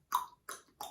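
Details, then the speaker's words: Jaw clicking imitated by mouth, three short sharp pops, describing a patient's TMJ clicking on opening and closing before closed-lock; TMJ disc displacement with reduction. "O que acontece nessa situação, pessoal? Quando você tem esse som articular na abertura e no fechamento, eu vou mostrar para vocês o diagnóstic"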